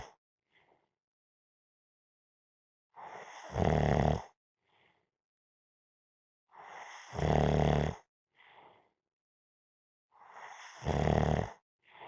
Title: Napping -Snoring Sounds